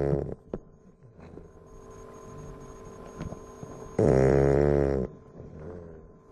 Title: tonka the bull dog snoring